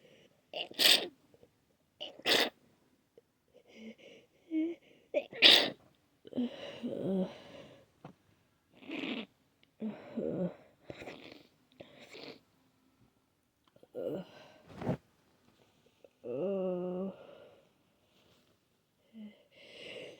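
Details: A person whose nose is very sensitive, itchy and clogged gives several sharp, explosive, wet sneezes with sniffing between them, then a short nose blow.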